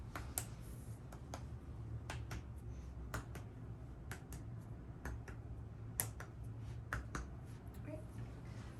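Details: Percussion over the back during a head-to-toe examination: sharp paired finger taps over a low room hum give hollow-sounding notes throughout; resonant percussion note, a normal finding.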